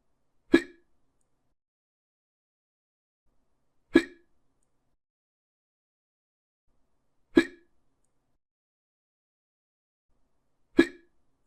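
Four abrupt, identical hiccup sounds evenly spaced in silence, about 18 a minute; regular hiccups.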